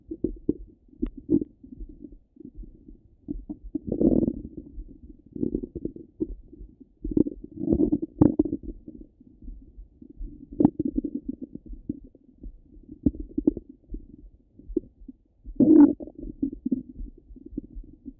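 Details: Stomach rumbling from a half-hour recording: irregular gurgles and rumbles with short quiet gaps between them, bowel sounds.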